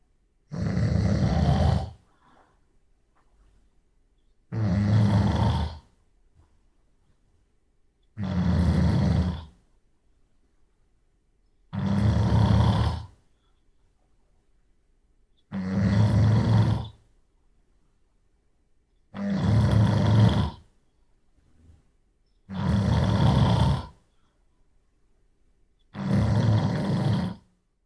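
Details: Adult man snoring at night, long isolated stereo recording (Sony PCM D100, 24-bit/96 kHz): loud, rattling snores on each in-breath, about 17 a minute, with quiet pauses between.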